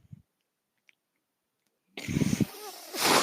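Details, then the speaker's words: A podcaster's own mechanical ventilator, recorded while he speaks: near silence, then a mechanical whoosh with low thumping and a rising airy hiss. "My name is. That noise you're hearing is my ventilator."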